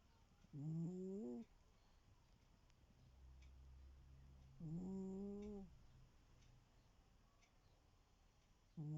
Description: Oliver is the laziest cat on the planet... And the noisiest of sleepers snoring is his forte.